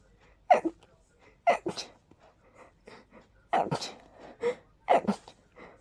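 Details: Person with very high pollen and dust sensitivity, without allergy medication: rapid run of about five sharp, breathless sneezes in six seconds; allergic sneezing attack.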